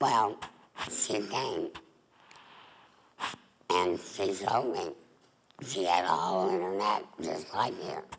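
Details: Adult female former smoker with laryngeal cancer (tumor on the larynx), voice box removed, neck stoma; alaryngeal speech after total laryngectomy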